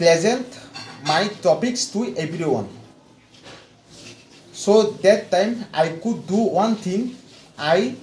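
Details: Stuttering in an adult man from India with severe stammering since childhood, after 4 weeks of fluency training; repetitions and long pauses are heard.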